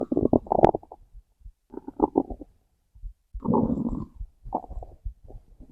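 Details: Hungry stomach growls recorded with heartbeat: low gurgling and rumbling bursts coming and going over several seconds; ordinary bowel sounds (borborygmi).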